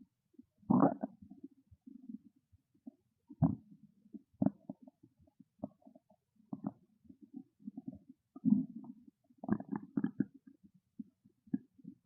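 Loud, irregular gurgling and rumbling bursts from the belly, typical of a hungry stomach growling; a normal bowel sound.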